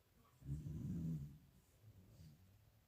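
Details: A dog caught snoring: one low, fluttering snore on an in-breath, followed by softer breathing; snoring.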